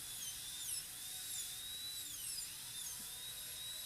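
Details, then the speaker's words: A high-speed handpiece shapes the lingual concavities of a maxillary canine on a typodont model during a PFM crown prep; a steady high-pitched whine rises and falls slightly as it cuts. "And then we'll use a larger football burr, which is here. To smooth these concavities and give them a more uniform shape than we can do with a smaller burr."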